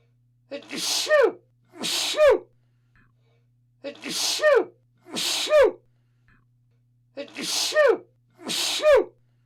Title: Sound of Sneezing/ Zvuk kijanja